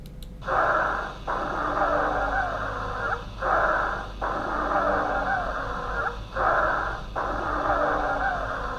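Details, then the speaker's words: Repeated breaths, about 20 a minute, with musical whistling and a long, laboured exhale: dry wheezes with expiration dominant, a teaching auscultation example. "мы сейчас вам дадим сухие крипа они очень характерны давайте будьте внимательны пожалуйста"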